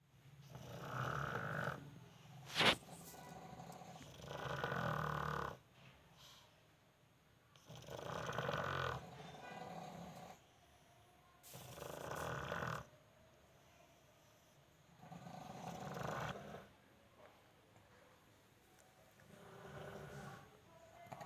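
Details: Sleeping pug snoring loudly and regularly, with rumbling noise on each breath about 17 times a minute; snoring.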